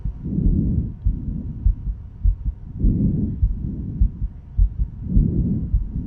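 Soft, regular low thumps of the heartbeat, around 100 a minute, come through a stethoscope with broad rushes of breath sounds rising and falling over them. These are normal, healthy heart sounds with no added noises between beats.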